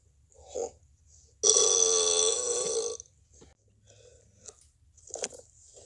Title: Mini compilation of the Plush Crew burping